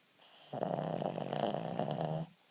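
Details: Shih Tzu sleeping on its first night home after a hospital stay for dehydration: one loud, rattling, drawn-out snore under two seconds with a coarse buzzing throat-vibration quality; very loud snoring.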